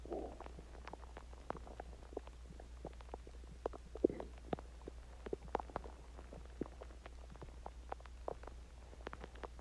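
Soft irregular gurgles and pops over a steady low hum; ordinary stomach growling after a meal and drinking water.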